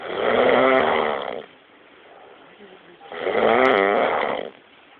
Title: Me Snoring VERY loud and hard I'm very tired